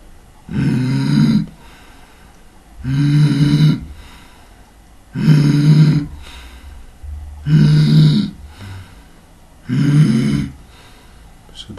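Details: Five harsh, crowing noisy breath sounds about every two seconds: an adult imitating stridor, the sound of upper airway obstruction.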